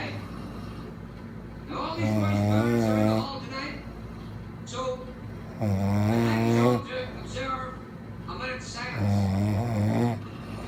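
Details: Boyfriend, very tired, sleeping: loud, harsh snores with a deep rattling vibration, about three in ten seconds, separated by quieter breathing; heavy snoring.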